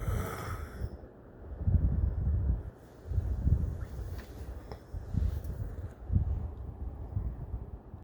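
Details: Deep, rough, rumbling snores recurring every couple of seconds, roughly 30 a minute, with quieter pauses between; snoring.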